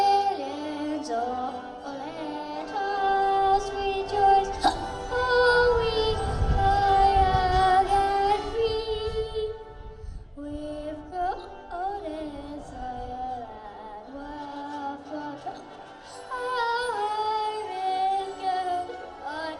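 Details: Seven-year-old boy singing the Australian national anthem at a baseball game, with sudden brief catches breaking several notes: hiccups.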